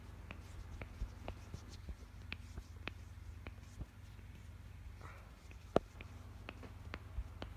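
A series of short, sharp clicks and pops, including one loud crack, over a low room hum; joint cracking.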